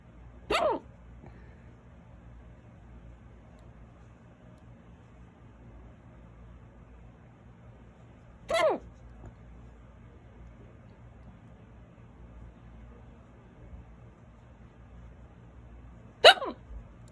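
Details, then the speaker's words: Loud, violent hiccups starting suddenly after eating a small salad, lasting about 10 minutes: three sharp, abrupt hiccups about eight seconds apart in a quiet room. "I just ate a salad and not even a lot of food, just small salad. Excuse me, small salad and hiccups. I thought maybe they were gone for a minute, but it looks like they want to last."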